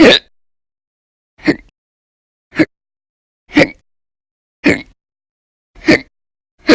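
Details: Persistent violent, very loud hiccups in episodes lasting about 10–13 hours a day in early December 2019, audio only: abrupt, sharp, clipped gulps about once a second, roughly 55 a minute.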